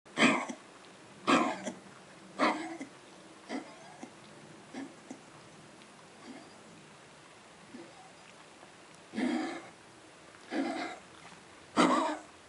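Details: Dog on day 6 of an illness with coughing and vomiting, taken to the vet on day 4: repeated harsh, hacking coughs in two bouts, with a gagging, retching quality.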